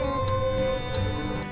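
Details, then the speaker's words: Simulation of tinnitus, described as a false signal from damaged hair cells after prolonged loud noise exposure: a steady, piercing high-pitched ringing tone over faint background music. "তখন মস্তিষ্ক বিভ্রান্ত হয়ে যায় যে শব্দ কোথা থেকে আসছে এবং এই বিভ্রান্তির কারণে নিজেরাই একটি মিথ্যা সংকেত তৈরি করে দেয়। আর আমরা কানে এই আওয়াজ শুনতে পাই।"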